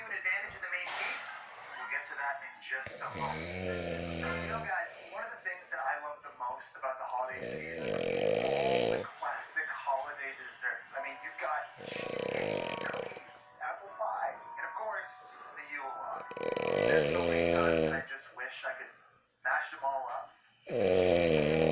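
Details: Elderly woman (granny) snoring loudly: deep, rattling snores on each breath in, about five to six a minute, over television talk and music.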